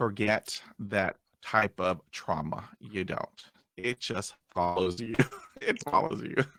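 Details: Adult man who stutters, still getting hung up on words after 20 years of speech therapy; stuttering.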